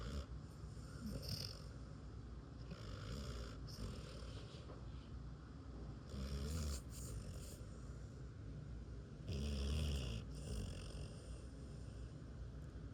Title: Gordo snoring like he pays bills 😩 Lord, give me that kind of peace. #fyp #foryou #DogLife 💤💰